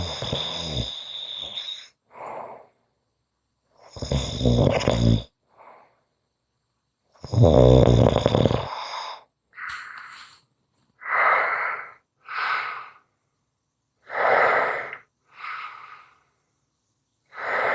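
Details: Ordinary snoring: loud, rattling snores on each in-breath, alternating with softer, airy out-breaths.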